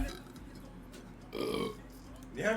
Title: Burping Compilation #1